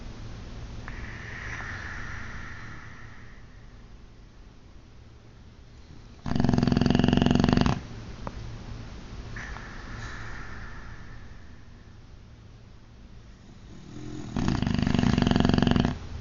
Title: Boxer "Ozzy" dog snoring loud!